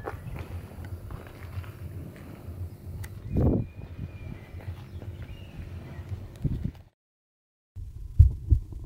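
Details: Muffled low thumps of a recorded human heartbeat played back in a room, with room noise and a brief dropout; a normal heartbeat from the Les Archives du Cœur heartbeat archive in Teshima, Japan.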